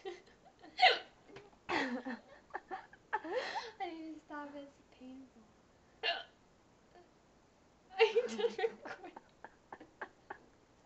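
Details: Woman with repeated hiccups she calls painful: sharp, abrupt voiced catches recur amid laughter and talk; hiccups.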